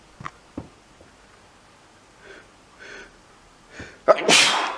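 A few quick sniffs and catching breaths build up, then one loud explosive burst: a sneeze.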